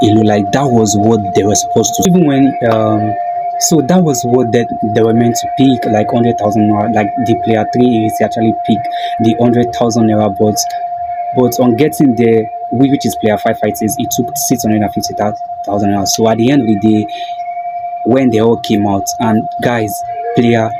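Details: Video host who self-identifies as a stammerer, stuttering with a broken word and a repeated word; stuttering.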